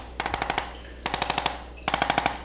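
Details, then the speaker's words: Handheld percussion massage machine, described as painless, used during a chiropractic and manual therapy session for neck and back pain to stimulate a nerve root: three short bursts of rapid tapping, about twelve taps a second. "आइए यह बहुत ही सरल, पूरी तरह से दर्द रहित percussion machine लें। तुम्हें कुछ महसूस नहीं होगा, ठीक है?"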